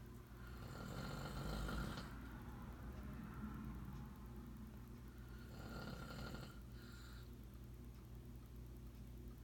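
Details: Grandfather sleeping with two long, low, rattling snores on inhaled breaths and quieter breathing between, over steady room hum; snoring.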